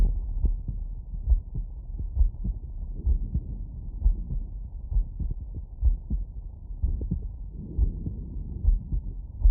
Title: Heartbeat auscultation stethoscope heart sounds lay down after workload